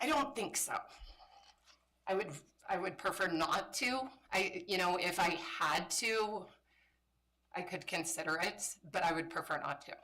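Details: Woman with spasmodic dysphonia, a voice disorder she calls a brain disorder and says kicks in sometimes; spasmodic dysphonia.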